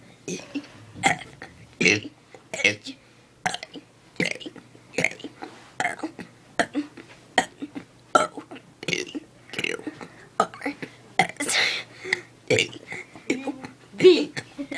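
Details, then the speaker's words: A person deliberately burp-talks the alphabet (ABCs) in a long run of short, voiced belches shaped into letter sounds, about 77 a minute; burping. "Hi, I'm, and this is my friend doing the ABCs. While burping."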